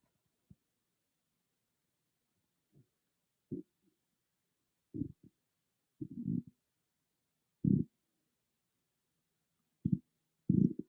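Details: Stomach growling recorded with an iPhone, no dedicated microphone, in a quiet room: irregular low gurgling rumbles, about eight bursts in eleven seconds; ordinary bowel sounds (borborygmi).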